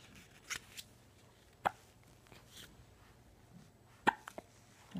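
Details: Several brief, sharp hiccup sounds at irregular intervals in a quiet room; hiccups.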